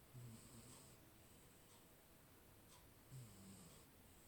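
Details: Soft low rumbling snore with each breath in, two breaths in about four seconds; a sleeping Maine Coon cat snoring quietly.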